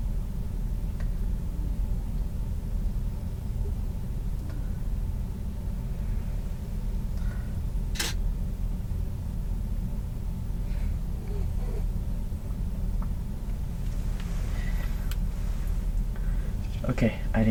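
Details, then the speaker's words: Adult abdominal auscultation with a stethoscope over the iliac arteries: steady low rumble with no whooshing, no bruit heard, normal finding. "didn't hear any breweries um fair or just a good thing okay so I think this concludes the auscultation piece we've listened and we didn't hear anything unusual"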